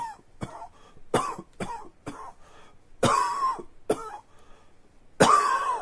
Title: Coughing 82